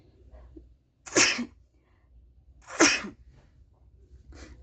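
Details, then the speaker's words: Two sharp, forceful adult sneezes about two seconds apart, each preceded by a quick intake, then a softer third burst, blamed on dust from the yarn while crocheting in a quiet room. "oh mes amours désolé pour l'éternuement parce que la ficelle qui se termine nous la gardons et elle prend cette poussière quand nous la ramassons"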